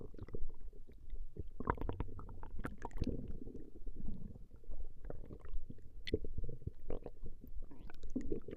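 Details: Recording of a woman's stomach growling: continuous low gurgling and rumbling with bubbling pops, normal gut movement; borborygmi.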